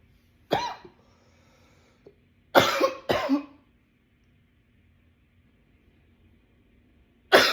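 Four harsh, explosive coughs, two of them close together, separated by quiet pauses. A bout of repeated coughing.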